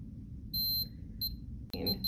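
A few short, high electronic beeps, then a click and further beeping; a home blood pressure monitor switching on.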